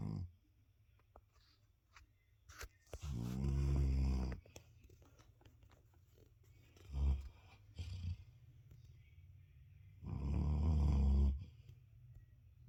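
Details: Two long, low rumbling snores on inhalation with quiet pauses and soft snorts from a sleeper; snoring.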